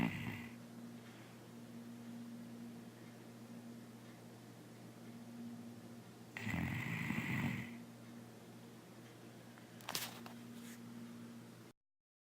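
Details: Sleeping and snoring: one loud, rough snoring burst on an inward breath and a softer snort later over a steady low room hum; snoring.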